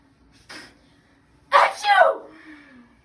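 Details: A brief in-breath, then a sharp explosive burst with a trailing voiced tail: a single sneeze, performed as part of a staged drill-sergeant comedy skit.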